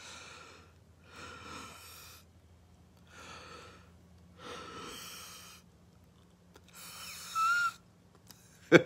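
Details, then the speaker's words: Person with bronchitis and shortness of breath, breathing normally: repeated breaths carry a whistling, musical tone on each phase, wheezing they say they are used to. "this is what I have bronchitis and shortness of breath you can even hear it like when I it did I'm just used to it but it is what it is even when I breathe normally"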